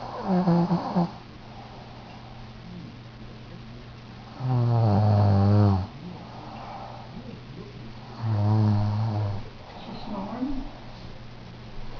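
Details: Person snoring after eating a lot of turkey on Thanksgiving: loud, low, vibrating snores about every four seconds, roughly 15 breaths a minute, with a steady room hum.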